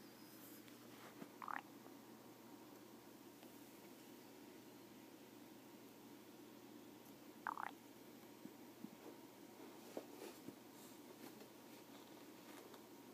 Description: My moms stomach started making weird noises that sounded like a frog so she recorded it xD